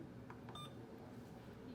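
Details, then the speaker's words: Short electronic keypad beeps over quiet room noise as an infusion pump is programmed in a nursing IV demonstration: primary normal saline 500 mL at 125, secondary ceftriaxone 100 mL at 200 mL/hr. "so now I'm going to program the pump okay so I'm gonna hit channel select gargoyle IV fluids normal saline"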